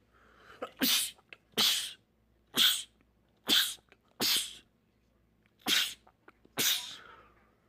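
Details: Male rapid sneezing attack from a sneezing compilation: seven sharp, explosive sneezes over about eight seconds, each a brief noisy burst; repeated sneezing.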